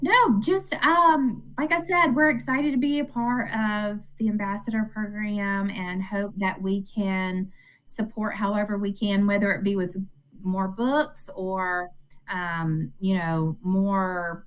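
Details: Adult woman speaking; ordinary speech.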